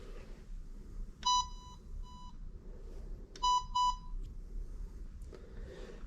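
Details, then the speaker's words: ResMed Astral 150 transport ventilator with two-limb coaxial circuit, switched on via rear toggle switch, running on internal battery: steady electronic beeps, two then two more, over quiet room noise; normal power-on startup tone. "so let's turn this thing on on off switch in the back it's a toggle switch we have our resmed coming up"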